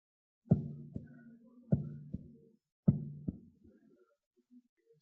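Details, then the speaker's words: Stethoscope at the apex (mitral area): three slow heartbeats, each a loud first sound then a softer second; normal first heart sound (S1), produced by mitral valve closure. "okay now we will put our St scope over the abix abix is a zone of mital area we will listen to first heart sounds"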